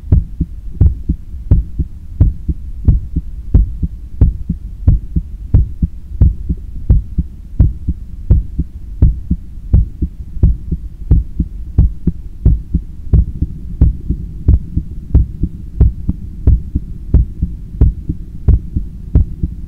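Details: Normal heart sounds recorded with a stethoscope on the chest after a 10 km run, lying on a daybed leaning on the left side while controlling breathing: strong, regular, fast, forceful heartbeats about 90 a minute, low background rumble.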